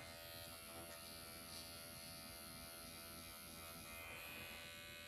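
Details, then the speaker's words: Microneedling pen at 1 mm depth, used on a patient's eye area, working outside-in, painless, producing some erythema: steady high-pitched electric buzz of the pen running in a small room. "I'm gonna go from outside and in. This does not hurt, by the way, at all. And I'm using like 1 millimeter still for this area."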